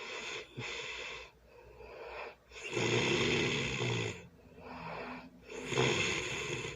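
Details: Loud snoring during early Sunday morning sleep: harsh snores with a breathy, wheezy edge on each breath and softer exhalations, about twenty breaths a minute.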